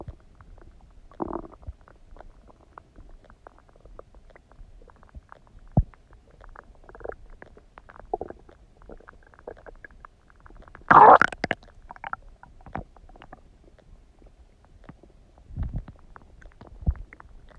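Quiet background broken by irregular gurgles and squelches, one louder burst; ordinary stomach gurgling.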